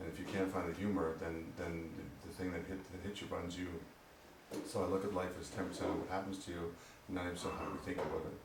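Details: Adult man with Parkinson's disease diagnosed at age 45, reporting his voice has recently become strange and hoping medication will help it; finding: hypokinetic dysarthria (Parkinsonian speech).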